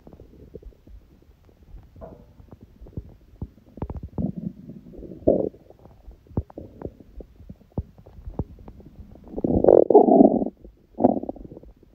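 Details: Hungry, empty stomach recorded for ASMR (sneezing elsewhere in recording): scattered gurgles and bubbling squeaks building to longer rumbles; hunger stomach growling (borborygmi).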